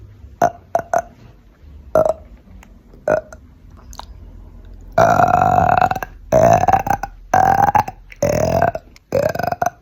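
Several short burps, then longer, loud, drawn-out belches in quick succession; voluntary burping.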